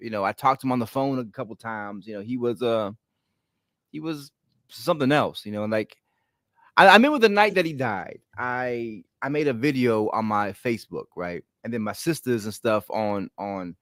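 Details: An adult man with a stutter present since childhood, when it was ten times worse, and worse when he is excited or relaxed; here he is visibly concentrating; stuttering.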